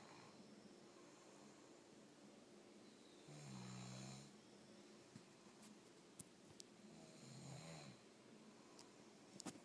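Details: Two low, buzzing snores about four seconds apart over steady room noise, with a few faint clicks; snoring.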